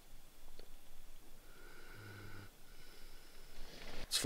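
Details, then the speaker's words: A dog asleep at 5:30 a.m. while winter camping in a truck gives a low, buzzing snore, then a fainter second one, in a quiet enclosed space; ordinary, harmless snoring. "5:30. Mr. Scooter's snoring away, as you can hear."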